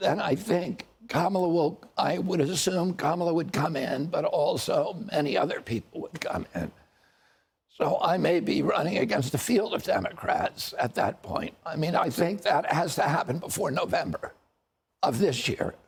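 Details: Adult man with neurological spasmodic dystonia affecting the voice, with onset at age 42 after a previously strong voice; spasmodic dystonia.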